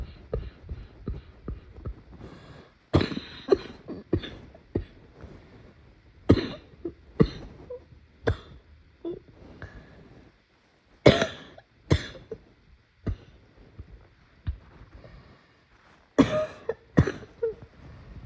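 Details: Sick adult who says coughing hurts: repeated harsh, forceful coughs in clusters with quiet pauses between bouts.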